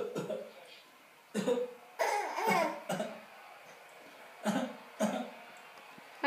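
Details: Young child giving several short, playful fake (voluntary) coughs on request, with light vocal sounds between them.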